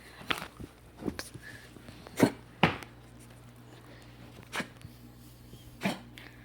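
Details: Basenji puppy with a cough gives several short, soft coughing bursts at irregular intervals in a quiet room.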